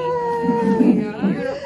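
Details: Newborn girl born vaginally at 38 weeks after a membrane sweep: sustained high wail with shorter cries after, just after birth; faint room voices.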